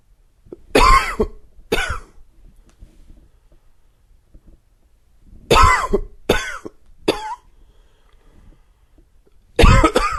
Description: Here's a little dry and wheezy one for you....really hope you like it!!